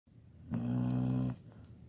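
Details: 17-year-old female labradoodle snoring: a single loud, low, rattling snore on one breath, lasting under a second, in a quiet room.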